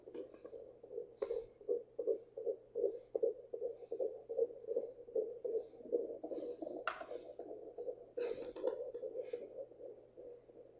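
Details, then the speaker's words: Home fetal Doppler placed low on the abdomen at 15 weeks of pregnancy, mother over 35 with high BMI: rapid, regular whooshing pulses about 150 a minute, a fetal heartbeat. "Slow. Where is it? I'm going say that's the baby. All right. So, that is the heartbeat."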